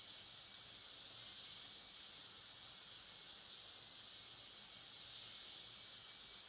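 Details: Steady high-pitched whine with hiss from a high-speed dental handpiece, used with a flat tapering burr to finish the proximal surfaces to an even shoulder finish line in metal ceramic posterior crown preparation of tooth 46.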